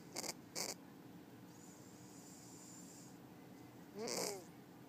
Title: 【猫おもしろ】シルバーいびき Funny cat.Cat snoring.